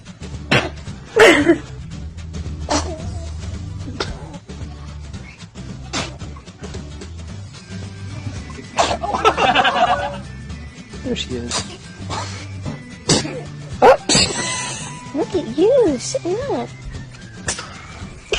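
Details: Compilation of infant sneezes: several brief, short, sharp sneeze bursts over background music with some vocal sounds.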